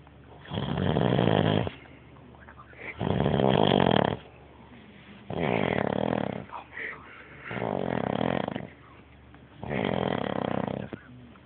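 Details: Loud snoring: five harsh, rattling snores, each about a second long, roughly every two to two and a half seconds.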